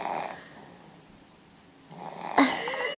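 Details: Infant snoring during a morning nap, with a runny nose lately: soft rattling snores on breathing in, with quiet pauses between them.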